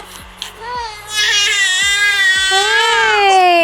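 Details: Rising, sustained wailing cry of a newborn boy after short fussing sounds, on waking from a two-hour morning sleep on the first day of sleep training.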